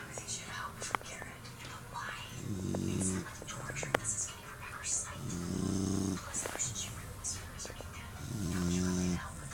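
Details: Sleeping puppy snoring; owner says he has a deviated septum: three low, buzzing snores about every three seconds, with soft background whispering and rustling.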